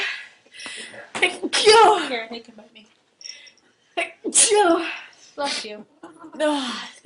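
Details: Two forceful sneezes, each with a sharp in-breath before the burst, mixed with short voiced sounds; allergy sneezing in someone who has already taken three allergy tablets.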